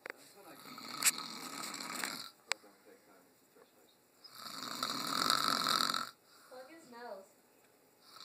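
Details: Sleeping boy: two harsh, noisy snoring breaths with brief family talk in the background; snoring.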